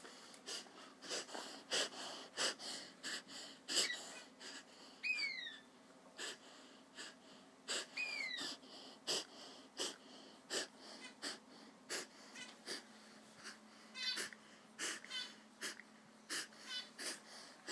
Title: Dog doing reverse sneeze